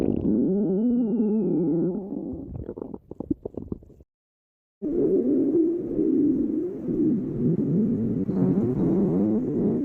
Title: stomach growling 3